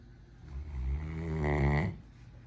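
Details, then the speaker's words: One low, rumbling snore lasting about a second and a half from a sleeping 10-month-old Great Dane puppy resting in a chair. "um hi maddie sorry i didn't mean to wake you up you were snoring so happily"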